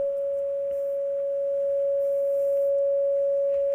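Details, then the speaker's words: Simulated heart monitor flatline: a single steady, unbroken mid-pitched tone imitating the continuous asystole alarm, a musical note played as a demonstration. "that's the sound of a heart monitor when the heart is flatlined"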